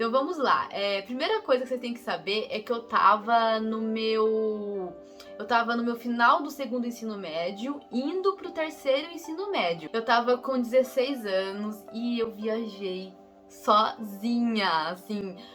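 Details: Young adult woman who says she is a person who stutters, speaking Brazilian Portuguese, with a phrase repetition; real stuttering.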